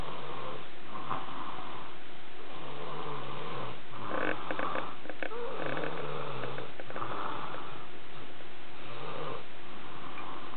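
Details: Man sleeping on a couch: steady, loud, low rumbling snores in repeated breath cycles, recorded close and somewhat distorted; snoring.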